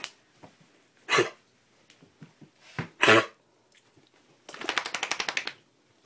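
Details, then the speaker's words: Dog with deep, repeated coughing that is better than the day before: two harsh single coughs, then a quick run of short hacking bursts in a quiet room. "good girl good girl why will you not stop coughing like that those deep coughs were going on and on and on and on yesterday today a lot better so that's good"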